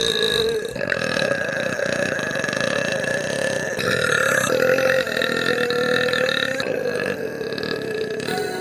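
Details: Female VTuber streamer burping in a burp compilation: a long, drawn-out, sustained belch with a steady rumbling tone.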